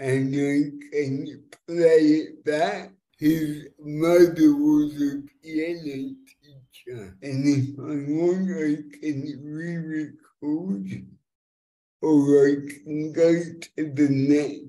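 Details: Dysarthria in an adult man born with cerebral palsy affecting his fine motor control and speech, after years of speech therapy; live demonstration of a speech recognition web app.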